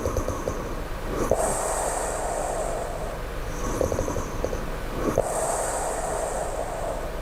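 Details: Low snoring: low, rumbling snores repeating about every four seconds over steady background noise, each with a breathy hiss.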